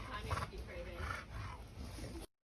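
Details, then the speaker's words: Loud, low, snoring-like rattle with each panting breath from an excited flat-faced (brachycephalic) dog after BOAS surgery: stertor from upper airway obstruction. "you can hear the sound to this dog who is very excited to be here after surgery panting you can hear a sound to their panting"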